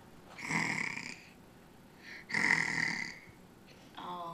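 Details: A young child, possibly in a high chair, fallen asleep through dinner: two harsh, rasping snores about two seconds apart in a quiet room; snoring during sleep.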